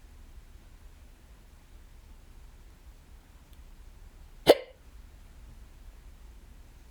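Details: Person alone at home with hiccups, recurring more than once that day: a single sharp, abrupt hiccup in a quiet room.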